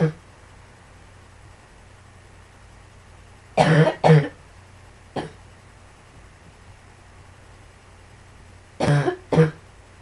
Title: Some more coughing